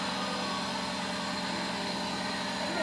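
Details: Steady mechanical hum and buzz of a nebulizer compressor during a steam breathing treatment to loosen phlegm for a sick patient with a persistent cough and shortness of breath, who is told to breathe in through the nose.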